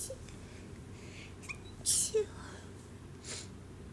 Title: random sneezes